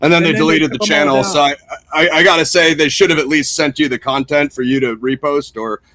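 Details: Adult male speaker; typical speech.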